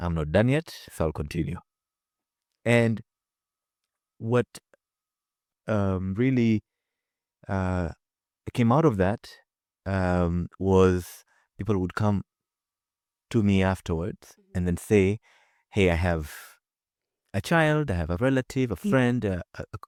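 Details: Man with his own real, non-acted stutter, heard in a conversational stretch with repeated fillers and pauses; stuttering.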